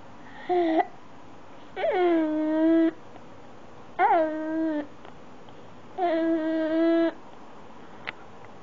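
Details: Five-month-old infant with hiccups: four rhythmic, tonal cry bursts of about one second each with pauses between; infant cry.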